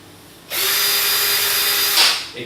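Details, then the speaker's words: Orthopaedic power drill spinning a competitor's three-fluted sharp-leading-edge drill bit against tensioned nylon string simulating a ligament or tendon: a high whine for about 1.5 seconds, then a brief cutting burst as it cuts through. "when I take the leading competitor three fluted sharp Leading Edge drill bit and spin it you'll see that it does something quite different"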